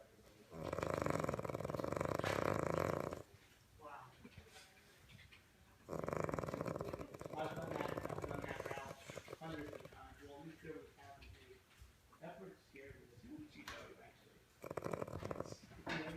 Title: Buckmans' Snoring Office Dog